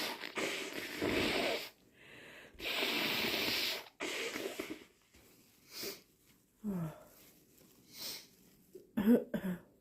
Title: Still sick - Morning blows and coughing